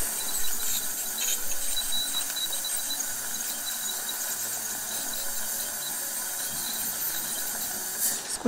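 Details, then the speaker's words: Ultrasonic scaler removing stains from the lower front teeth of a staff member during orthodontic wire replacement: steady high-pitched hissing whine with water spray. "はい、こんな感じで超音波で着色を落としていきます。コーヒーや紅茶を飲む人はよく着色がしやすいです。"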